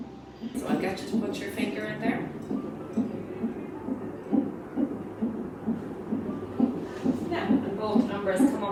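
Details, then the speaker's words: Rhythmic whooshing Doppler pulses near 133 a minute on a CTG fetal monitor during pregnancy or labour: a normal fetal heartbeat, with faint music behind. "The machine also produces a beating or pulsing sound that represents your baby's heartbeat."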